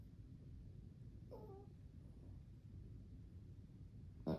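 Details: Sleeping dog snoring: low rumbling breath noise with a brief snorting grunt partway through, then a sharp click at the end.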